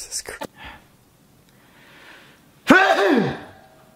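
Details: Single forceful, voiced sneeze: brief breathy sounds, a quiet pause, then a sudden loud burst becoming a drawn-out yell.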